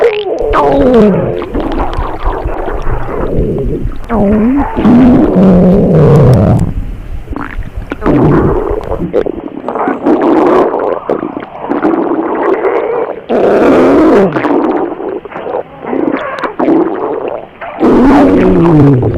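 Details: Simulated sound effect imitating an upset, sick stomach: loud, long gurgling and groaning rumbles with rising and falling pitch.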